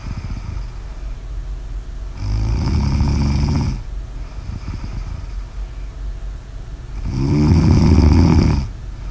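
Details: Heavy snoring during sleep: two long, loud, rumbling snores about five seconds apart over steady background noise.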